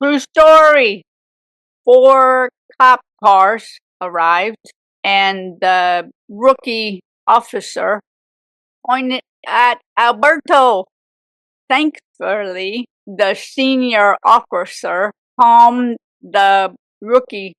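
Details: Aphasia in a woman 18 years after a severe stroke at age 44; speech shows grammatical errors and word substitutions.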